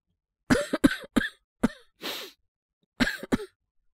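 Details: Acted cough by a male voice actor playing a young man with a cold and cough. Six short dry coughs in quick clusters, with a brief throat-clearing breath between them.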